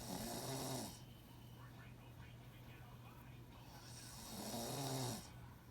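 Two low, rattling snores on breathing in, separated by a quiet pause, over a steady background hum; ordinary snoring.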